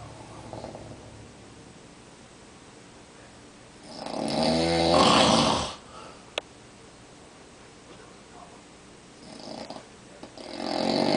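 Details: Adult man (father) snoring in sleep on a recliner chair, recorded in the dark: one loud, rough, rattling snore, then a softer snoring breath starting near the end.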